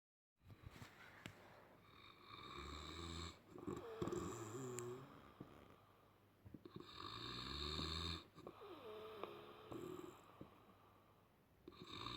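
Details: Loud snoring during sleep, tagged as sleep apnea: repeated rough, rattling snores on each breath, mixed with whistling noises from the nose.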